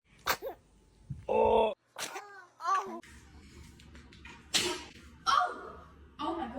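Several short, sharp bursts of air from a newborn, with small breathy sounds between them: sneezing.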